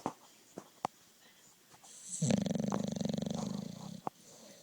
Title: My dog snoring, have to watch the whole video